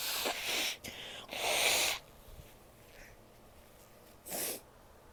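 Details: A female: loud, hissing bursts of air through the nose, a quiet pause, then one more short burst; sneezing and nose blowing.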